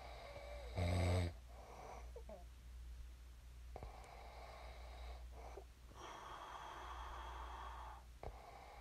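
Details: One loud snore during sleep over a steady room hum, followed by quieter breathing sounds; sleep snoring.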